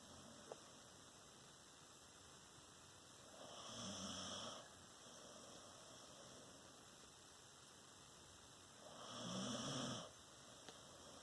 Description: My puppy dog got tired of begging for food so she fell asleep. Getting her quiet snore on.